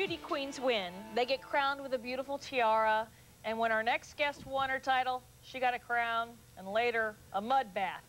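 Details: Adult woman speaking; normal voice.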